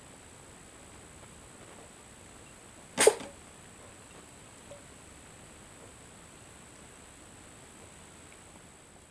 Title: Xyzzy kitten drinking from a pint glass and sneezing